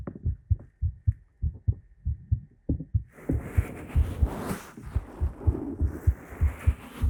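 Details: Heartbeat in a Korean ASMR talking roleplay recorded with a 3Dio binaural microphone: steady strong low thumps about 100 a minute, with rustling and noise joining partway.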